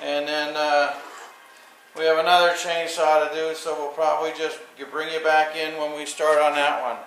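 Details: Adult male speaker; typical adult speech.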